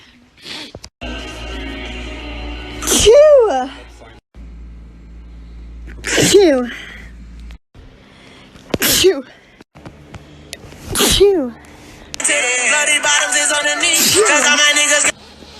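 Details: Compilation of four loud, sharp sneezes, each a quick inhale followed by an explosive burst, separated by cuts; sneezing.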